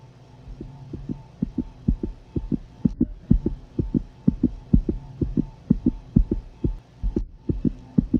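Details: Canine fetal heartbeat recorded at a veterinary clinic: fast, steady thumping pulses over a low hum; normal fetal heartbeat.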